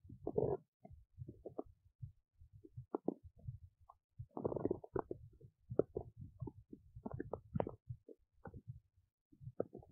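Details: Adult woman's belly while digesting oats: frequent gurgles, bubbling and rumbles continuing over several seconds. Ordinary bowel sounds of digestion.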